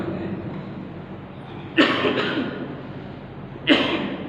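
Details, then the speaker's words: Adult male preacher, voice fading from coughing and heavy teaching, during a dawn Ramadan lecture; two short, sharp coughs about two seconds apart against room noise: cough. "lamat ya minta maaf suara saya ini rada-rada hilang karena apa namanya batuk tambah saya banyak mengajar hari ini"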